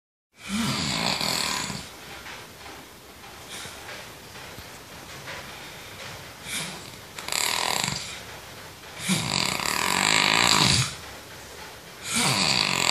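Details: Snoring during sleep: loud, harsh rattling snores recurring every few seconds, with quieter breathing between them.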